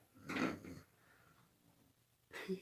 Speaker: Oh, seriously, dude. And the dog is snoring.